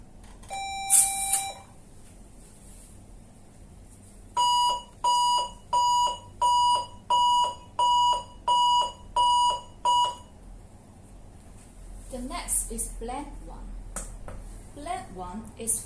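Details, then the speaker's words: 400 W high-frequency electrosurgical unit in monopolar pure cut mode via yellow foot-pedal: a short tone, then eight regular beeps about 87 a minute, then room noise; electrosurgical unit activation tone. "Yellow for cutting, blue for coagulation. So we are using the monopol cut. So now we try."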